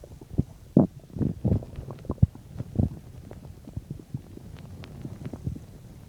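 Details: Low abdominal gurgles and rumbling bursts of stomach growling, about 10–15 minutes after eating a bean and cheese burrito; ordinary digestion.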